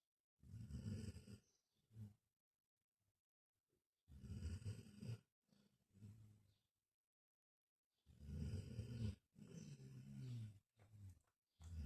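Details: Snoring during sleep: deep, rough, low snores with irregular gaps, some breaths broken into shorter fluttering bursts.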